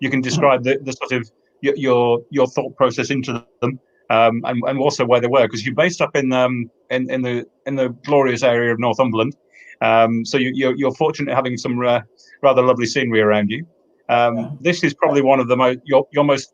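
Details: Adult man; typical speech.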